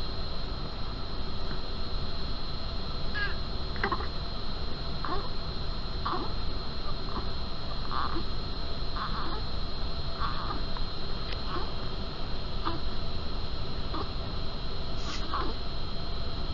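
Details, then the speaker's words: Short, repeated expiratory grunting with each breath out from a newborn with respiratory distress, shown alongside signs of respiratory effort. "Observem os sinais de esforço respiratório e também ouçam a gemência desse bebê com dificuldade respiratória."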